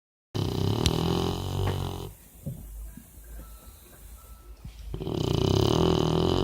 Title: perro pitbull roncando, pitbull roncando videos graciosos. ( pitbull dog snoring , funny)